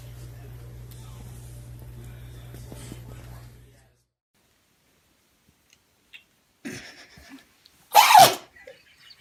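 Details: After room hum and silence, small sniffs lead into one sharp sneeze from a small animal in a pet sneeze compilation.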